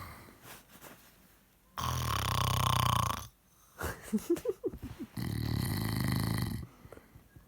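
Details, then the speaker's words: A drunk man snoring heavily: two long, loud, rattling snores on inhalation, likened to a steam train, separated by quieter gasping breath sounds. "You'd think it was like a steam train."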